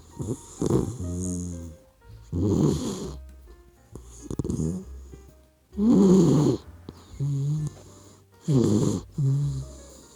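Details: Puppy dog sleeping and snoring: repeated low, rattling snores with soft whistling breaths between them, and background music throughout.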